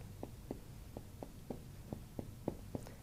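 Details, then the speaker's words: Abdominal exam percussion to find the upper liver edge: percussion notes shifting to dull over the solid liver. "Now you can definitely hear a change here from here to here. You know, definitely we're over a solid organ in this case. So, I want to find the exact edge of the liver and I'll start my percussion just as I did."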